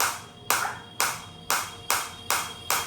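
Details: Biotronix SW7 focused (not radial) shockwave therapy device, with frequency being increased during use: sharp, regular snapping pulses, roughly two per second, each with a brief hissy tail.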